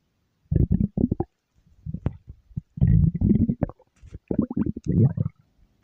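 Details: Stomach growl: loud, croaky gurgling growls in several bursts with brief quiet gaps, typical borborygmi.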